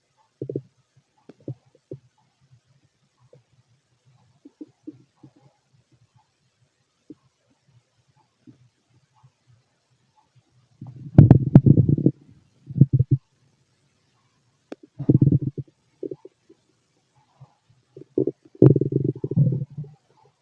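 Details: Fit adult male's stomach auscultated with a stethoscope: low gurgling rumbles and short bubbling bursts that come and go irregularly, with louder clusters near the end; normal bowel sounds.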